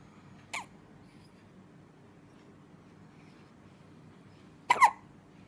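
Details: Baby hiccups: two brief, sharp catching sounds about four seconds apart in a quiet room; infant hiccups.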